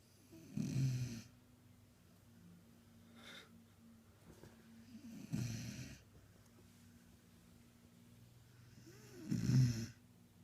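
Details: Sleeping beagle, described as a snorty dog, gives three loud, low, rattling snores about four seconds apart with quiet breathing between; snoring.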